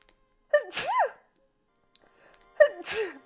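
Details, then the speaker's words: Female streamer: two quick voiced sneezes, each a sharp intake then a squeaky burst, about two seconds apart; ordinary sneezing. "I'm so [ __ ] tired of sneezing all my life"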